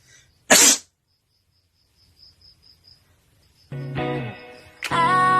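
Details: Sneeze from a compilation of sneezing clips, with background music.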